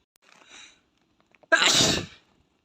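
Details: Natural sneeze from an Asian boy: a brief faint breath, then a single sudden forceful sneeze lasting under a second.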